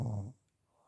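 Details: Grandfather snoring: a single brief, deep rumbling breath sound that fades into quiet, consistent with a snore.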